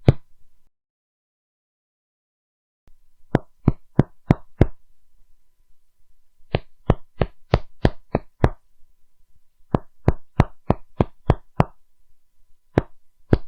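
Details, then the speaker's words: Teaching demonstration of lung percussion sounds: series of quick finger taps in groups, moving from hollow resonant notes to flatter dull ones, showing resonance, dullness and tympany. "so in this video we are going to do a little review of the elements or sounds that we can find when we, for example, percussion at the lung level, pay attention to the first sound"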